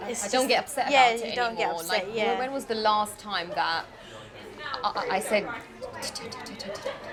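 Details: 24-year-old woman with a lifelong stutter of unknown cause, with silent blocks and repetitions; stuttering (stammer).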